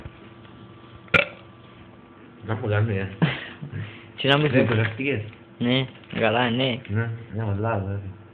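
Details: Several drawn-out, croaky, voiced burps in a row over a steady background hum; burping.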